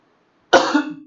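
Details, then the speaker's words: Single sharp cough from an adult man who is unwell with repeated coughing, bursting out of silence and trailing into a brief voiced tail. "बार बार खांसी आ रहा है, लेकिन आज थोड़ा तबीयत ठीक है इसलिए मैं पढ़ा पा रहा हूं।"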